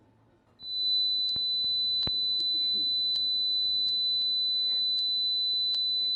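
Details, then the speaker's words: Simulated high-frequency tonal tinnitus: a steady, high-pitched pure tone starting after half a second, higher-pitched than a previous example. "de hecho creo que el ejemplo 2 que tenemos es un ruido parecido al primero pero mucho más agudo escuchemos"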